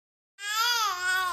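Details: Baby girl fussing: a brief, high-pitched wailing cry that stopped after her mother made a noise; ordinary infant fussing cry.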